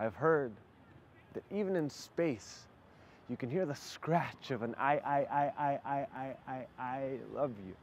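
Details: Performed spoken-word poem by a poet who describes practicing away his stutter, demonstrating part-word repetition; stuttering (part-word repetition).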